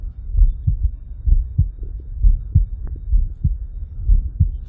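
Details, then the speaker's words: Steady low lub-dub heartbeats at about 60 a minute from a person's heartbeat recording, repeated into a loop in Audacity editing software: normal heart sounds. "So hit OK, and now we have a whole bunch of heartbeats. That will last the duration of our song."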